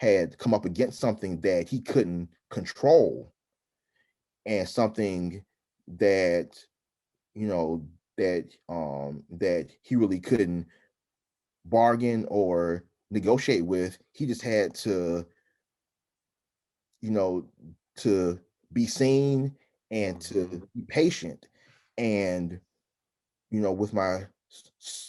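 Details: Adult man who stutters, with frequent interjections such as 'um'; stuttering.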